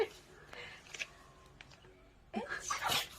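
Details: Old small dog sneezing: short sharp nasal bursts, then a louder run of snorting sneezes near the end, in a quiet room.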